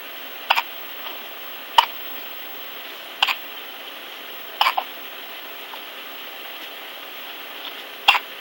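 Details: Twin sisters: five sharp, brief gulping bursts at irregular intervals over about eight seconds, each a quick catch of breath; hiccups.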